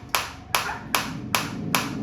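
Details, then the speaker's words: Focused shockwave therapy handpiece with frequency raised from 120 toward 150–180, change audible in sound: sharp, evenly spaced snapping pulses, about two and a half a second, firing at a raised rate. "Frequency में आपको change आता दिख रहा है। Sound के साथ भी पता चल रहा है।"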